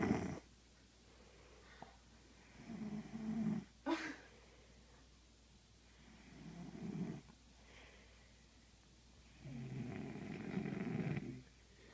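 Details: Sleeper snoring: slow, rough snores about every three to four seconds with quiet gaps between them.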